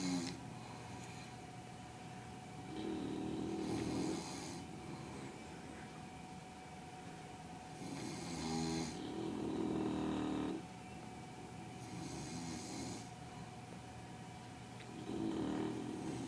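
Loud rough snores recurring every few seconds during sleep, with a steady hum in the room.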